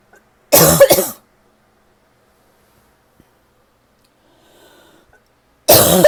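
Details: A dry, tickly cough that the person thinks is finally starting to improve: a loud double cough, then quiet, then another cough starting.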